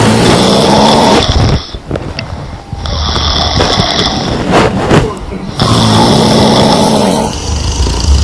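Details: Several women, sisters and their mother, snoring while napping during a sleepover: loud, rough rattling breaths repeating with short quieter gaps between them.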